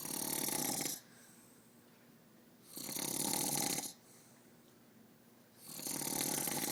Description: LOL my dad is awesome at snoring!